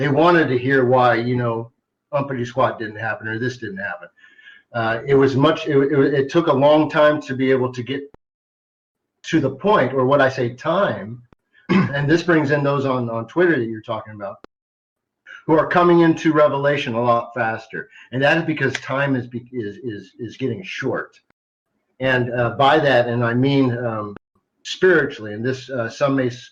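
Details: Adult man who stutters sometimes, a carry-over from much more frequent stuttering as a child; stuttering.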